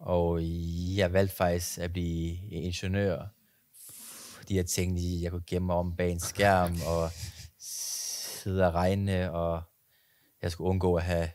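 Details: Stuttering in an adult speaking Danish.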